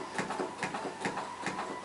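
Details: AED charging tone during CPR demonstration following shock advised: rapid repeating electronic pulsing with a steady high tone as the automated external defibrillator charges before delivering a shock, everyone told to stand clear.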